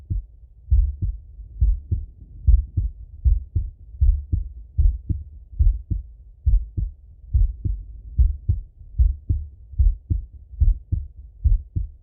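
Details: Male heart auscultation through a stethoscope, recorded sitting or lying: steady paired lub-dub beats at about 74 a minute with no extra sounds between them; normal heart sounds.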